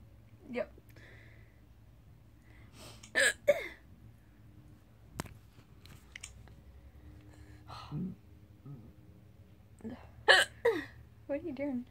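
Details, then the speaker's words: Person filming themselves laughing while having hiccups: abrupt, sharp hiccup bursts, some with a short squeak, amid soft laughter in a quiet room. "video myself see I laugh and Hiccup at the again"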